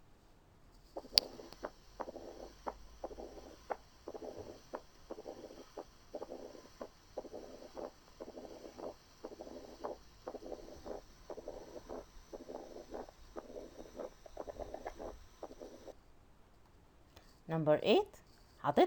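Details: Stethoscope bell (cone) at the apex: heart sounds with a low-pitched rumbling murmur filling the diastolic pauses, the mid-diastolic rumble of mitral stenosis.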